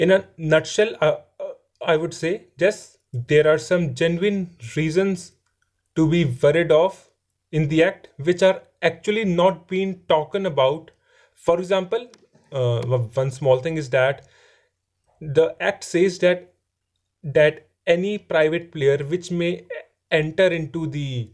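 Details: Adult man who stammers and says his stammering is improving; stuttering.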